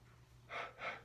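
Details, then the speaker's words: Demonstrated huff cough, a breathing and coughing technique for clearing airway secretions: two short, breathy open-mouthed huffs, like fogging up a window or glasses. "So something that you can teach is like a huff cough. And the way to describe that, it would be like fogging up a window with your breath or fogging up glasses."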